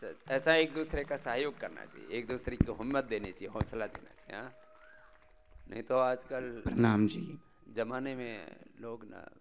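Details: Adult male speaker; normal speech.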